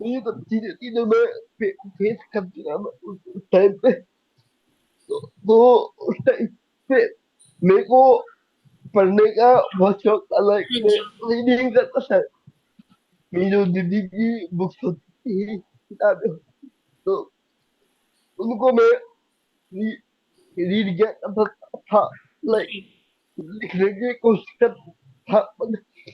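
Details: Young adult man with cerebral palsy since age 2; could not speak as a child and still needs double effort to speak, cannot say things clearly; dysarthria.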